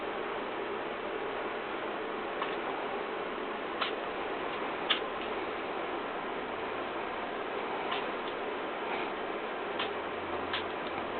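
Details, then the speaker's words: Newly adopted pet rat having sneezing fits since moving in a day earlier, occasionally rubbing its nose: faint, sharp, tiny repeated sneezes over a steady background hiss. "this is Henry everybody listen first cuz I'm weirded out by this sneezing thing just"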